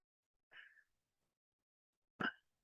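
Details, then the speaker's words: Sleeping young boy with mouth breathing and a sleep-disordered breathing pattern: snoring, a soft breath, silent pause when breathing stops, then a sudden sharp gasp as the airway reopens; gasping arousal after obstructive sleep apnoea. "he's his breathing has opened up he's come out of deep sleep to order to gain some breath so he's Lo he's losing deep sleep categories every time he's aroused but he doesn't know it because he hasn't woken up"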